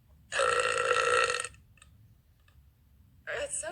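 One long, loud, voiced belch lasting about a second, then quiet and a brief voice at the end; burping.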